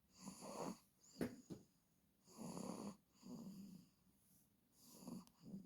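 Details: Rhythmic rattling snores about every two and a half seconds, roughly 24 a minute, with a brief snort between; ordinary snoring.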